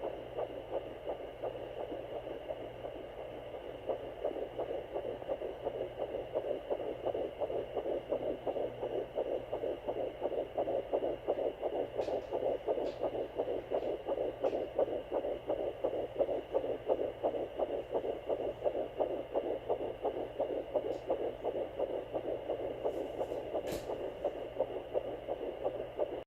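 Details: Fetal heartbeat at 11 weeks + 1 day on a Sonoline B handheld Doppler: rapid, regular whooshing pulses around 170 beats a minute.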